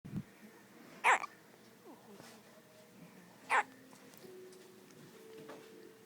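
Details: Two short, sharp hiccups about 2.5 seconds apart over faint background noise.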